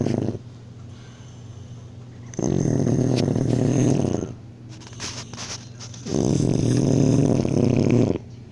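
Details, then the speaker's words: Ordinary sleep snoring from a sleeping boy at night: deep, rough rumbling snores on long breaths about every four seconds, quiet between them. "Okay, it's time for you can hear him snore, and once if he stops snoring, you can watch TV for a little bit."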